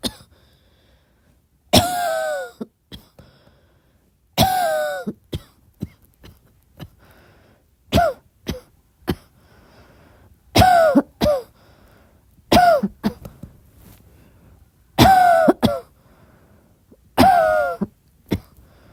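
Repeated coughs, some voiced and some short, coming in clusters about every two to three seconds, with quiet breaths between.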